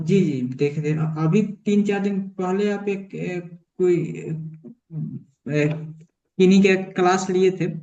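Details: Adult male with stammering (stuttering), about one year into therapy and largely improved, with remaining blocks mainly on vowel-initial words.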